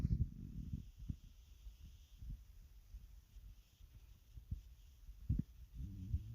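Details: Hunger stomach growls (borborygmi): low, soft rumbling gurgles in irregular bursts over a quiet background.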